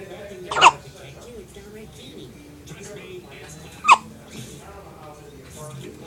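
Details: Infant hiccups: two short, sharp hiccups about three seconds apart, heard over quiet adult talk in a room.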